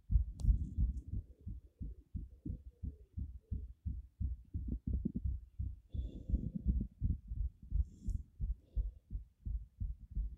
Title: heart beat visible 190 bpm